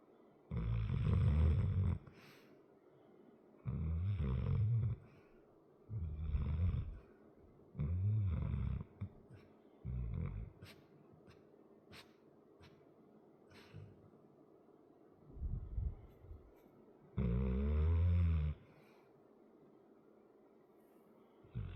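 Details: A sleeping 100 lb muscular dog with a chronic crusty nose snores: deep rumbling snores about every three seconds, with a couple of pauses and quiet sniffles between.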